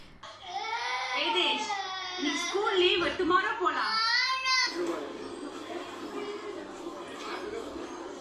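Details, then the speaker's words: Baby crying replayed through a speaker during a real-time crying-detection test in a noisy everyday setting. Wavering, high-pitched infant wails, then fading whimpers over low room hum. "if the and in the 1 second segment is identified to have crying sound it's labeled with a crying notation and if there is no crying sound detected then no annotation is displayed"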